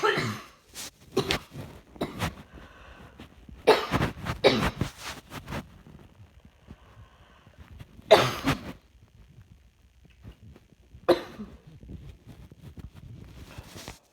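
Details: Coughing while trying to work, feeling rather hot: repeated bouts of coughing and throat clearing, some in quick clusters, in a quiet room.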